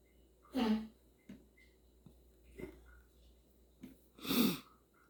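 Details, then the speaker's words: Sharp, forceful hiccups, some voiced, with quieter clicks between, in a quiet room, from an adult describing severe, painful hiccups that began right after eating a lot of spicy food; hiccups. "got the hiccups. These are the worst hiccups I've ever had. I had so much spicy food just a minute ago."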